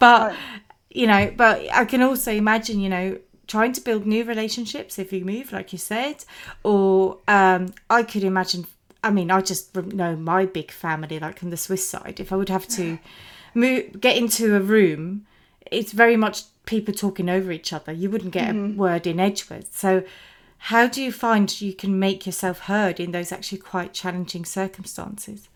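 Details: Adult woman speaking; typical speech.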